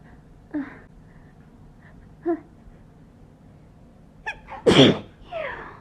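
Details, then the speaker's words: Two soft sneeze-like bursts, then a gasping wind-up and loud sneeze with a brief exclamation, from a woman at bedtime trying to keep sneezes quiet; she attributes it to Sponge coming in; repeated sneezing. "oh my god so sneezy i know why it's because sponge came in here oh baby i'm a mess"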